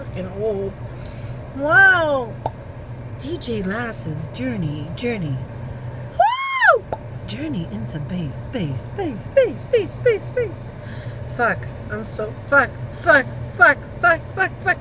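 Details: Woman with Tourette syndrome during a tic attack while running errands with her husband, unable to stop repeated exclamations and swearing; vocal tics with coprolalia.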